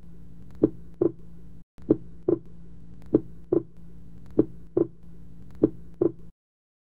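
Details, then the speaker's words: Simulated pulse synchronised to heart sounds for teaching: paired sounds about 48 cycles a minute in repeating groups with gaps; pulsus paradoxus, pulse volume significantly decreasing during inspiration. "pulses paradoxes if the pulse volume significantly decreases during inspiration it is termed as pulses paradoxes"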